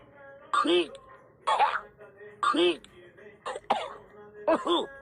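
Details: A series of short voiced coughs and throat-clearing bursts with faint background music; a cartoon character's coughing from a sneezing dialogue scene, not a real patient.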